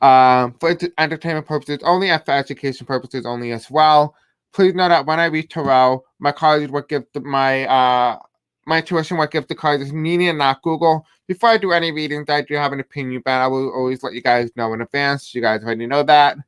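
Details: Deaf male speaker with a self-described deaf accent who reports difficulty pronouncing certain words; deaf speech.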